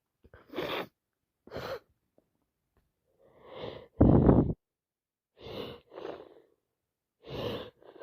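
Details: Person with a wet head cold: repeated sneezing, several short explosive nasal bursts with breathy in-breaths between them, one louder burst.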